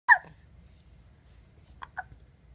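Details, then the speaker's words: One sharp hiccup, then two softer short catches in a quiet room: a child with hiccups. "Hey, pumpkins. You got the hiccups? So cute. Are they all gone?"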